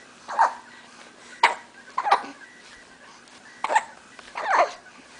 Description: 6 week old twins hiccuping